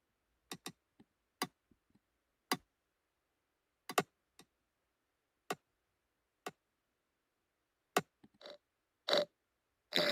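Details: Simulated middle ear myoclonus (stapedius/tensor tympani) made with a sound-replication program: irregular sharp clicks and thumps replicating ear clicking.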